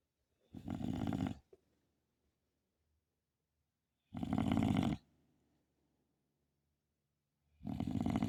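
Three loud, rough snores about every three and a half seconds, roughly 17 breaths a minute, with silence between; snoring.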